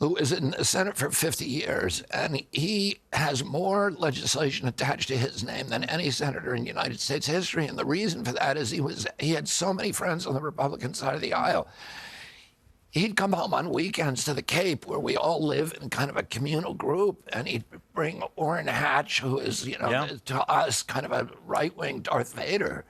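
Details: Adult man with spasmodic dystonia, a neurological disorder making his vocal cords tighten constantly. Onset at age 42 after a 1996 injury; surgery in Kyoto about eight months earlier.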